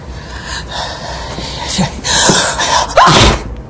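A gasping intake followed by a sharp, explosive sneeze burst, acted in a TV drama scene.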